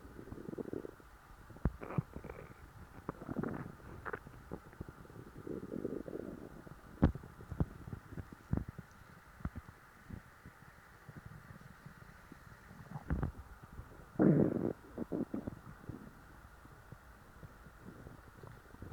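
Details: Stuffed stomach after a large meal: low gurgling rumbles and squeaks coming and going over about 19 seconds; stomach growling (borborygmi).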